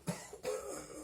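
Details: Adult man, a town mayor at a March meeting in a room, asked about coronavirus and masks, coughs theatrically on purpose: two brief, deliberate coughs with a throat-clearing quality.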